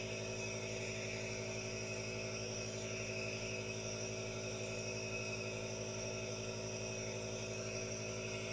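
Steady motor hum with a fast even buzz and hiss, unchanging throughout; a nebulizer compressor running continuously.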